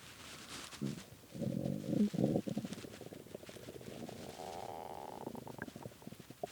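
Low, bubbling, crackly rumbles that rise into a drawn-out groaning growl. Hunger stomach growling after missed meals.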